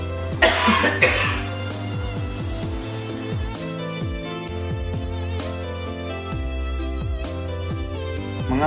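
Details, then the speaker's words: Voluntary effective cough for chest physiotherapy: after a deep breath in through the nose, two strong deliberate coughs in quick succession, the first moving sputum from small to larger airways and the second toward the mouth, over background music. "kemudian lakukan batuk yang kuat sebanyak dua kali"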